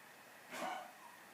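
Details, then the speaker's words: An old dog, described by its owner as a little sick, gives a single short, faint cough in the background of a quiet room: dog cough. "I'm sorry if you hear that coughing in the background that's my old sweet dog and he's a little sick"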